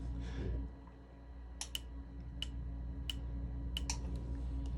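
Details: Laser removal session on eyebrows microbladed 7 years ago with migrated pigment, after a patch test, alternating sides so skin cools: several sharp, high snapping Q-switched laser pulses at irregular intervals over low room hum.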